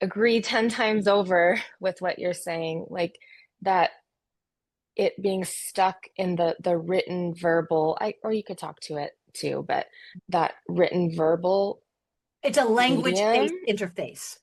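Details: Aphasia in a man, caused by a stroke 21 years ago; initially could not speak, then spoke one word for a year, gradually improving, with some ongoing speaking difficulties.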